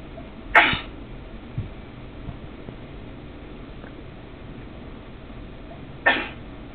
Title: some sneezing!